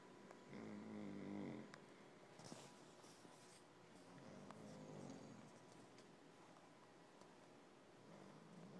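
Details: An adult sleeping among many sleeping kids gives low, rumbling snores that come and go against steady room noise; snoring.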